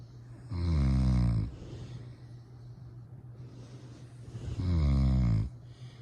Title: My baby sleeping and snoring haha 😆